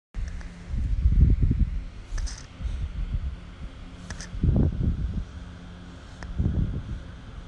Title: Sound of a baby snoring